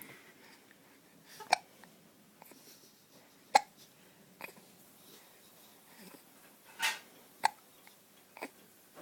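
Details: Smiling infant girl: about six sharp, brief hiccup clicks at irregular intervals over nine seconds in a quiet room; hiccups.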